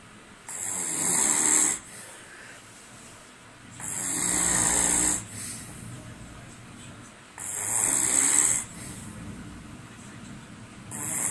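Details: Man asleep: loud, harsh, rattling snores on each breath in, about 17 a minute, with quiet pauses between; ordinary snoring.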